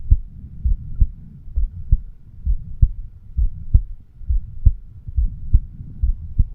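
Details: 36-year-old male recording his own heart with a homemade microphone stethoscope, over the mitral (bicuspid) valve area: regular lub-dub at about 66 beats a minute, muffled with low rumble; normal heart sounds.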